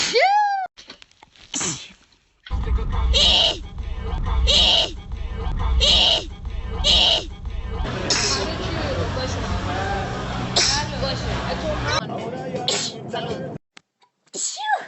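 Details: Sneezing compilation, sped back to normal speed: a run of sharp, explosive sneezes with brief gasps between, over background noise and talk.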